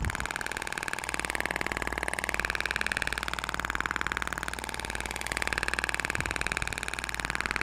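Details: THORK radial extracorporeal shock wave therapy (ESWT) applicator firing during facial treatment along the zygomatic line over the sulcus, then submandibular/submental area, with 6000 shots for the face at minimum energy 60 mJ: steady rapid mechanical tapping, about 230 pulses/min, with motor hum.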